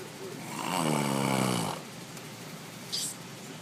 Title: Had to get em! Snore session!